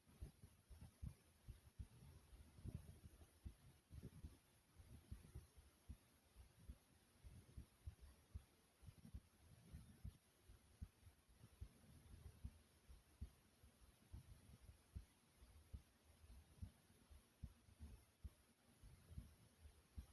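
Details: A person's own heartbeat recorded at a slow rate: soft, low thumps repeating at an unhurried pace under steady background hiss.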